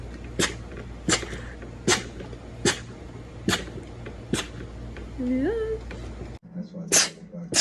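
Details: Female with rapid sneezing: seven short, sharp sneezes, six in a quick series less than a second apart, then a brief squeak and one final sneeze.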